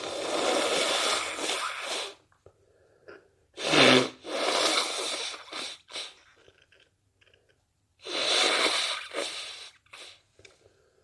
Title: cold sneezes and blows at day 2